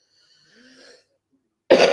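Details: Cough.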